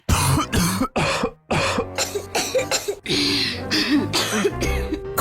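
An acted run of about nine harsh, chesty coughs in quick succession over background music.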